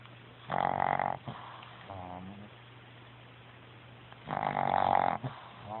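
Two loud, rough, rattling breaths drawn in about four seconds apart in a quiet room: snoring.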